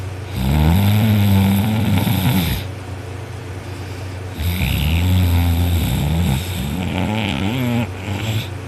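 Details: Adult sleeping on their back with an arm over the head after a long workday, snoring very loudly: harsh, rattling snores lasting about two seconds each, separated by quieter gaps.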